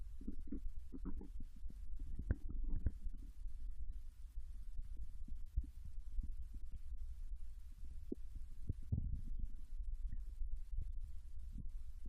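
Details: Japanese woman's intestines digesting ramen and potato chips: soft gurgles, squelches and low rumbles from the belly over a quiet hum; normal bowel sounds during digestion.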